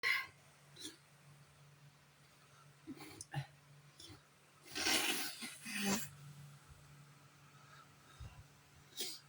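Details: Person with allergy sneezing and blowing nose: several short, hissing nasal bursts and one long, forceful blast of air.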